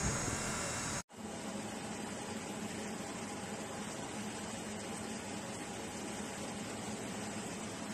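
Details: Loud steady rushing whoosh of air like a strong fan after a brief cut, from a Great Star external oral suction unit during a demonstration; dental suction unit running.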